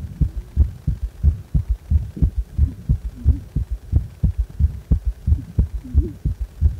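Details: Regular heartbeat at about 90 beats per minute with an extra low, dull sound after the second sound: a prominent third heart sound (S3 gallop).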